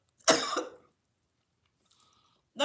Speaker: My grandmother always say, "Don't eat and talk at the same time." See what happened?